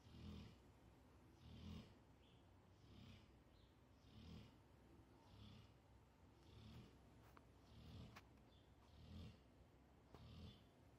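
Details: Pit bull snoring while asleep: soft, regular low rumbling snores about every 1.25 seconds, roughly 48 a minute, a steady sleeping rhythm.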